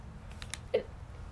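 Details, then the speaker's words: Person with hiccups while talking: a single short, sharp gulping catch in the throat, a hiccup, against faint room noise. "super fantastic sorry hiccups are killing me"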